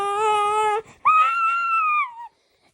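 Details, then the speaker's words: Baby girl crying, two short high-pitched cries with a catch of breath, after chest-wall massage to clear chest mucus during RSV season; crying is encouraged to make her cough up mucus. "you want baby to cry because you want her to cough as you can hear that brings the mucus up"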